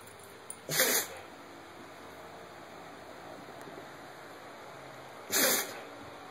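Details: Dog having a sneezing attack right after shredding a stuffed toy, before playing with a beagle: two short, sharp, hissing sneezes several seconds apart over quiet room noise; repeated sneezing.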